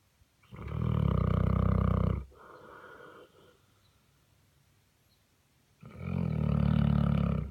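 Loud, deep, rattling snores on two breaths, separated by a quieter exhale and a pause; typical heavy snoring of a large sleeping dog.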